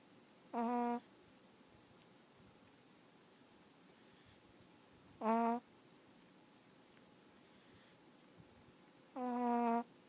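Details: Chihuahua dog sound asleep: three brief, tonal, whistling snores about four seconds apart over quiet room hiss; snoring.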